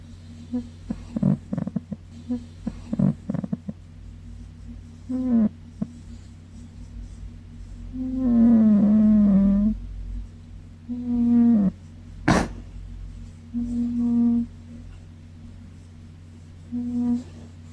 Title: 고양이 기차소리 들어봤나요? Funny Snoring Cat